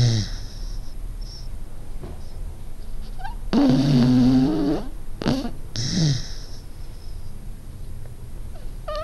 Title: Meu cachorro Pingo roncando / My dog Pingo snoring